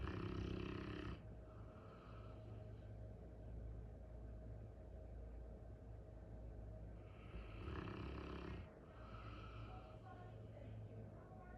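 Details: Sleeping Cane Corso, a large dog, gives two deep, rumbling snorting snores separated by quieter breathing, over steady room noise; snoring.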